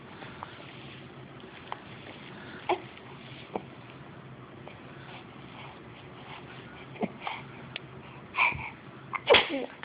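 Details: A cat sneezing: a series of small, sharp sneezes with quiet gaps between them in a quiet room.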